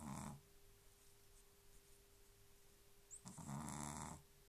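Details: Sleeping dog, tongue sticking out of its mouth, snoring very loudly: two rough, rumbling snores separated by a quiet pause, faint steady room hum.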